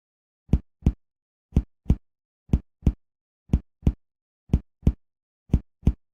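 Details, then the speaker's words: Finger percussion over the abdominal quadrants during a physical assessment demonstration: paired hollow, drum-like taps giving tympany, the expected note over air-filled stomach or intestines. "one as you percuss expect to hear Tony over air filled organs such as the stomach or intestines in an older patient Tony may be louder and more extensive because aging decreases intestinal motility which can cause gas to accumulate"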